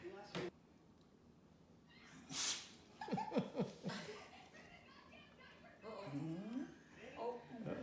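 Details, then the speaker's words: 13-year-old female rescue dog sneezing: a sharp burst of air like a sneeze, followed by snorts and whining sounds, with quiet human talk nearby. "What's the matter? Is that a sneezy itch?"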